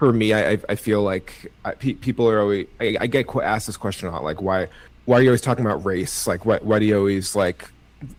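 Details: Adult male with cerebral palsy and a stutter he believes is related to his CP; his own conversational speech with part-word and word repetitions; stuttering.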